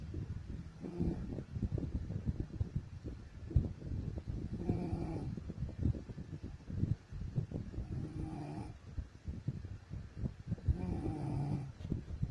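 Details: Wife snoring while asleep: low rumbling, rattling breaths repeat about every four seconds, roughly 15 a minute, in a quiet room.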